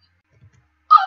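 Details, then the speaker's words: Person suffering persistent hiccups while playing a video game and saying they need water: after near silence and a few faint low thumps, a single abrupt voiced hiccup near the end. "oh my god still have the hiccups I need some water not because of this level just because I'm suffering with these hiccups"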